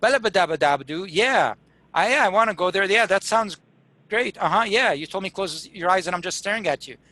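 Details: Acted: a presenter imitates a stroke patient with receptive (fluent) aphasia who cannot understand commands and gives fluent but meaningless word-salad replies, explicitly not slurred speech (dysarthria).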